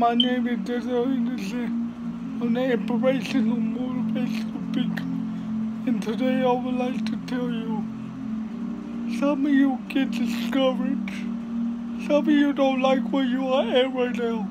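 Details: Adult speaker; dysarthria (cerebral palsy).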